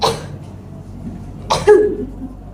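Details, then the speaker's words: Simulated nursing practicum with a 30-year-old female patient: after three deep breaths, the last one held, two short voluntary coughs separated by a pause, demonstrating the effective cough technique. "tarik napas tahan hembuskan tarik napas tahan hembuskan Tarik nafas tahan sambil batuk ya Bu"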